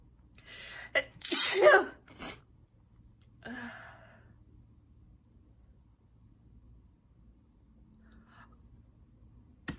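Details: Sneezing attack during a live stream: two to three forceful sneezes in quick succession, with a sharp inward breath before, then a breathy exhale and quiet.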